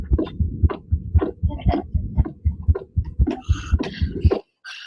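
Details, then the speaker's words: Regular heartbeat near 115 a minute with a soft extra whooshing sound, almost like a third galloping noise, played as an example of a benign murmur; innocent heart murmur. "this is just innocent murmur just sometimes kids have murmurs pregnancy just hear that extra little bit of noise in there almost like a third noise like kind of a galloping kind of"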